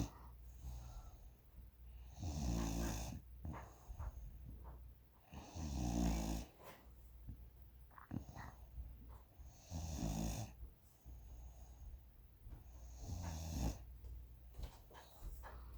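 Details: Snoring: repeated low rattling snores, about four in 16 seconds, with quieter breathing between them.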